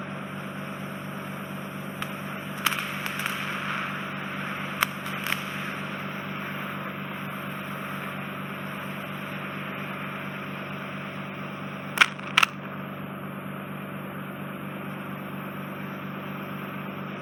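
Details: Endoscopic ear wax microsuction near an inflamed, scarred (tympanosclerotic) eardrum in a woman with soft, wet wax: steady loud suction hiss and hum with a few sharp clicks and pops as wax is drawn in.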